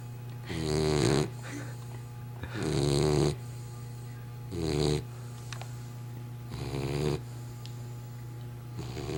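Loud, rattling snores about every two seconds, over a steady low hum; regular sleep snoring.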